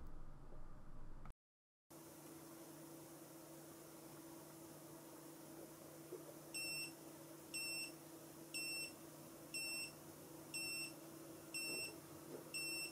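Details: Checkme BP2W blood pressure monitor taking a palm-to-palm home ECG recording: high electronic beeps repeat about once a second over a quiet room hum.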